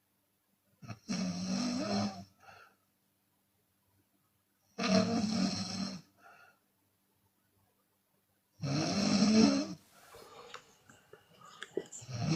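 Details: Open-mouth snoring in a sleeping Chinese woman, with occasional exhalation: three loud rattling snores about every four seconds, roughly 15 a minute, silent pauses between.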